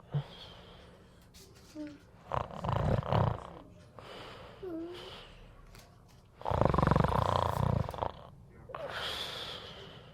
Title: The cat snores like a tractor #cat #funny #catsleeping